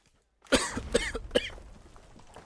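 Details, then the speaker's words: Three quick, harsh reflex coughs from a gamer who says dust bits went down the throat, which felt painful; irritant cough. "So, [cough] oh jeez. Oh, something went down my throat again. Dust bits."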